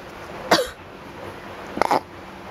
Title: slight allergy and some induced sneezes 2